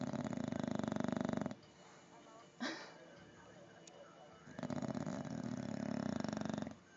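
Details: A bulldog sleeping in a clothes basket, snoring really loud: two long, low, fluttering rattles on the in-breath with a quiet gap between them.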